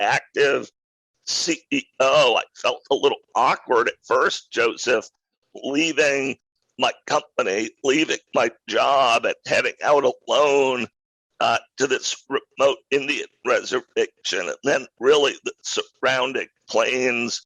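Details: Adult male who acquired a rare neurological voice disorder in 2012 that made speaking difficult, still audibly present years later; neurological voice disorder.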